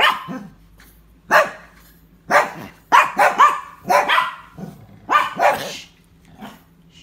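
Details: Dog coughing: repeated harsh, forceful coughs in short clusters, some sounding almost like barks.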